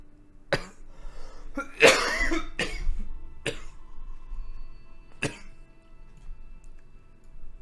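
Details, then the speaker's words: Adult gamer with a persistent throat tickle and a throat felt to be swollen from talking and coughing gives about five short, harsh coughs and throat-clearing bursts over soft music: cough with throat clearing. "and my throat's so I guess swollen from the talking and the coughing that I sound like I'm wheezing to death"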